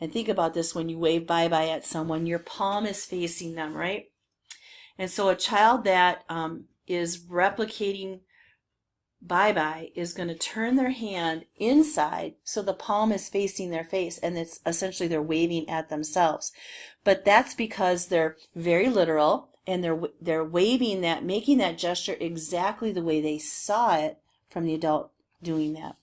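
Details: Adult woman speaking; normal speech.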